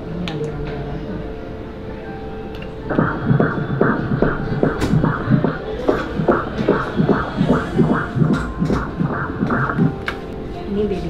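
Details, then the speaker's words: Ultrasound Doppler at 7 months' pregnancy, female fetus no longer transverse, amniotic fluid adequate, due early January: rapid whooshing pulses about 146 a minute; normal fetal heart rhythm. "ini normal saja ya yang tadi yang kamu dengar itu Irama jantingnya ya ini"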